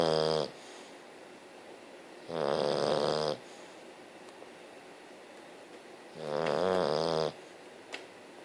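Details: Very tired English bulldog snoring: loud, rattling snores about every four seconds, roughly 15 a minute, with quiet breathing between them.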